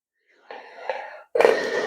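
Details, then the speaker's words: Respiron inspiratory muscle trainer in use, shown by a respiratory physiotherapist discussing asthma: a flow-restriction device, producing two forceful breaths drawn in with a whistling, hissing airflow. "E como que esse aparelho funciona ele funciona mediante restrição de fluxo então dá uma olhada aqui ó eu vou elevar a bolinha vou elevar uma só"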